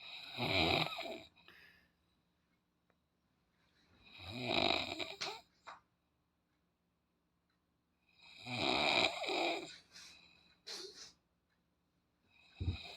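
Loud, rattling snores about every four seconds, each a long noisy inhalation with a softer breath after, roughly 15 breaths a minute.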